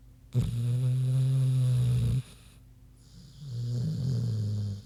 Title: Big Pig Snoozin' (HD Queenie Snoring Audio)